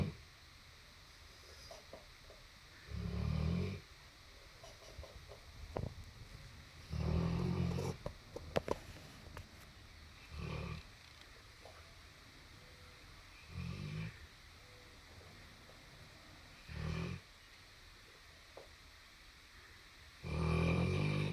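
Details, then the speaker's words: Sleeping dog: low, rumbling snores about every three to four seconds, roughly six in twenty seconds, with room noise between; heavy snoring. "Were you snoring? Do you need a CPAP? A CPAP? A CPAP machine? Huh? Because you were snoring like a fatty."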